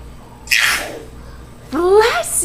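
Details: Boy deliberately faking sneezes, a trick learned from his grandfather: two sneeze-like bursts, the second with a voiced rising 'achoo'; fake sneezing.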